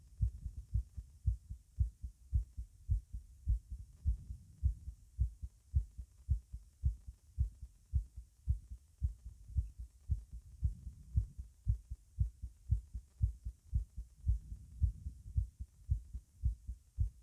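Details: Normal heart sounds heard at the mitral area with the patient standing: steady, fairly quick low thumps at the apex with a faint hiss behind them.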